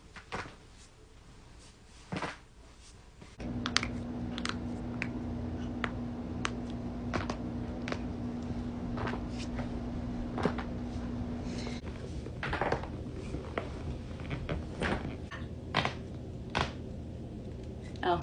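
Series of sharp, isolated pops and clicks from joints cracking, a common harmless sound.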